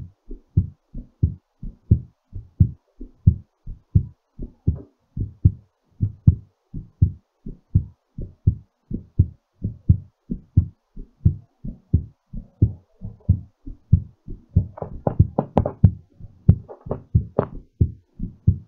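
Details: Rapid, regular low thumping heartbeat, quickened during recovery after exercise.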